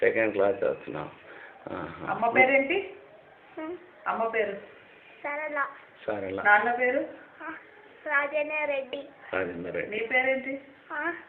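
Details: Adult interviewer and child, conversational speech; no disorder.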